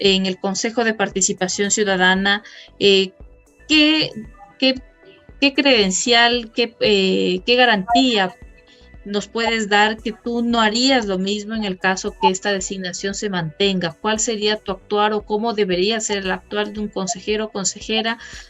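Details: Adult woman speaking Spanish; normal voice.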